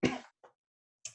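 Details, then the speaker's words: A single sharp, explosive adult cough, then a faint short breath sound and a brief noise after a pause; the speaker says he can't go one sentence without coughing. "me i can't go i can't go one game i can't go one sentence without coughing"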